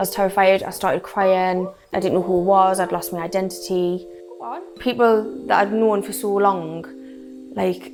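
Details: 26-year-old woman with functional neurological disorder and foreign accent syndrome; the accent appeared after she woke from a migraine with her speech gone, and she also has episodes of speech loss: foreign accent syndrome.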